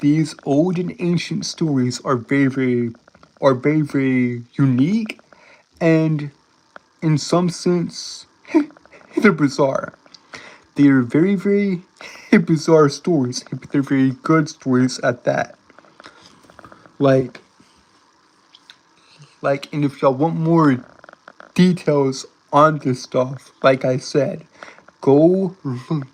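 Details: Self-reported speech impediment he says he cannot help, in a streamer; stuttering-like disfluency.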